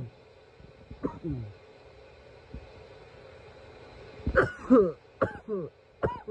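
Several short, harsh cough bursts over a few seconds, some in quick pairs, against quiet room noise; repeated coughing.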